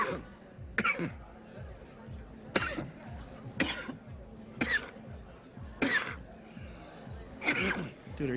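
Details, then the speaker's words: Acted comedy scene: an adult who says he was sick earlier that week gives about six loud, harsh, phlegmy coughs over faint background music; repeated wet cough. "you sick no it's like week off so much phlegm unbelievable amount of phlegm in that coughing"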